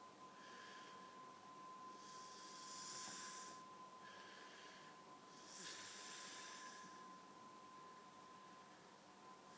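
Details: Whistling snore in a sleeping person after a night out: soft hissing breaths with a thin whistling tone on each cycle, about four breaths in ten seconds, over steady background hum.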